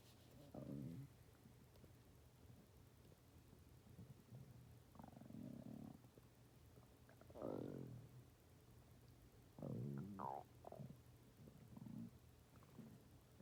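Low gurgling growls in several bursts with gliding pitch, typical stomach rumbling from gas and fluid moving through the gut.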